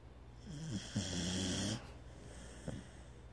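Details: A loud, low, rattling snore in one drawn-out breath over quiet room hiss, from a sleeping subject; snoring very loudly.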